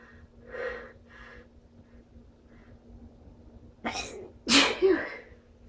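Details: Strong sneezes with buildups: short, breathy buildup breaths followed by two forceful sneezes in quick succession.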